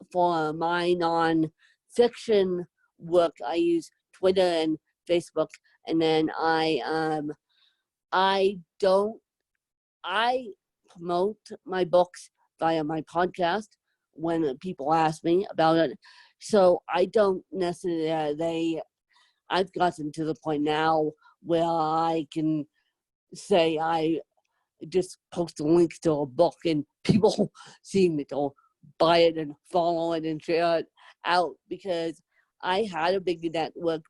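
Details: Adult woman with moderate to severe cerebral palsy, needing help 24/7; dysarthric speech (cerebral palsy).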